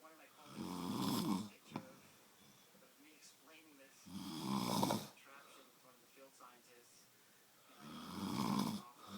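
Three rough, rumbling breath sounds at regular intervals, about 16 a minute, with quiet room noise between them: snoring.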